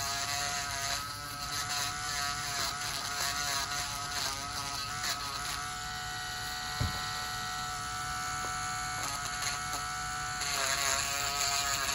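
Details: Male dialysis patient with high blood pressure, severe suspected fungal toenail infection, samples sent to lab: continuous high-pitched whine of a rotary podiatric nail drill, pitch dipping as it grinds thickened toenails.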